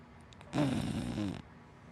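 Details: Sleeping dachshund–black Labrador mix dog snoring: a single short, rattling snore against a quiet background.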